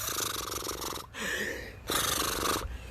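Two rough, wet, rattling gurgles with a quiet gap between them, an adult's imitation of the agonal gurgling breathing seen in opioid overdose.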